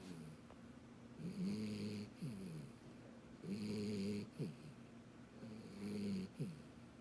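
Regular soft, buzzing snores with whistling, squeaky breaths in between, about every two seconds, roughly 27 a minute.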